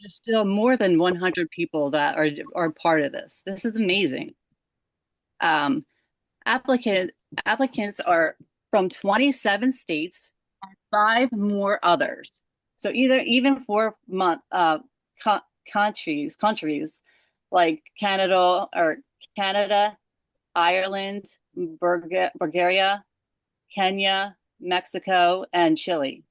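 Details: Aphasia in a woman after a stroke at age 37 caused by moyamoya disease, onset December 5, 2022 during sleep; left side affected first.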